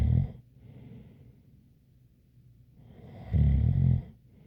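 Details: Two deep, rattling snores about three seconds apart, with a faint light whistle on the breath.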